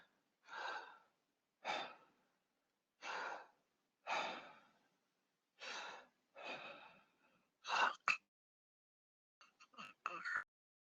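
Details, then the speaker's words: Imitated obstructive sleep apnea (severe case) as heard by a bed partner: normal breathing, then strained gasping struggle for air, then choppy recovery rebreathing. "So there's normal breathing, then a period where you can literally hear the person struggling for air, and then a lot of activity and a lot of rebreathing. Quite commonly, snoring would be associated with something like this."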